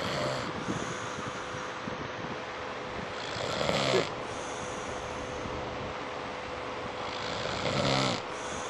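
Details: A person snoring while asleep at 4 in the morning at the end of a birthday party.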